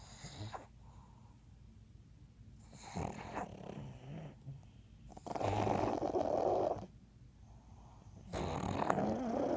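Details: Three sleeping pugs make loud, rough, snorting snores in irregular bursts separated by quiet pauses, typical of flat-faced dogs: snoring.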